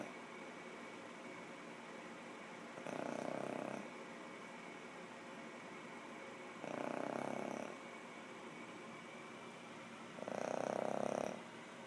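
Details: Soft, rhythmic rasping breaths during sleep, roughly 16 a minute, in a quiet room; ordinary snoring recorded while the person slept.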